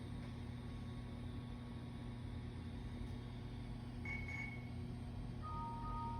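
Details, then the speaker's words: Compact Touch ultrasound A-scan biometer measuring the right eye of a patient looking straight ahead: steady room hum with a short two-tone chime near the end, signalling the 10 required measurements are complete. "okay so we're done with the right eye so the chime that you heard at the end is what we're looking for that means that we've got the 10 measurements we need"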